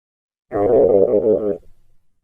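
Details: Stomach growling (borborygmi): a single low, wavering, gurgling rumble about one second long that trails off.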